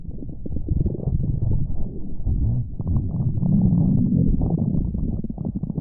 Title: Splendid Stomach Rumbling V5